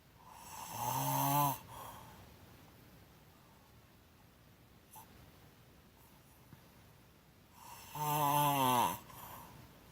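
Two loud, vibrating snores on breathing in, about eight seconds apart, with quiet breathing out between; open-mouth snoring.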